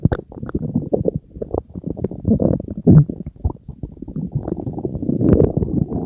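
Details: Continuous bubbling and gurgling rumbles from the belly; ordinary stomach growling (borborygmi).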